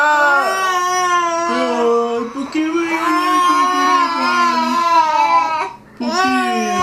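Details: 10-month-old twin infant crying after being scared by their father's sneeze: sustained loud crying with a brief catch of breath before it resumes; infant cry.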